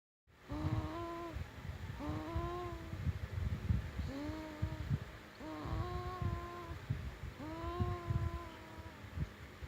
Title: Gaia Snore